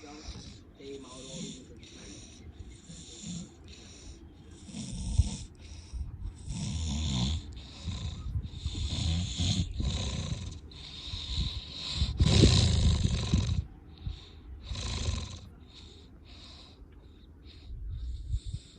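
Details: Irregular, rough, rattling breathing noises through the nose and throat during sleep, with some louder bursts; snoring.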